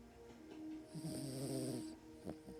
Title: Yorkie snoring.